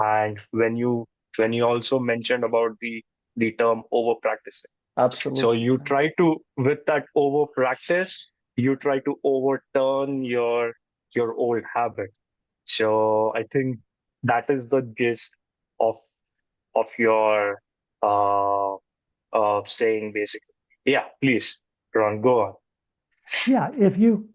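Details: Adult man who says he stutters, with word and phrase repetitions heard; stuttering.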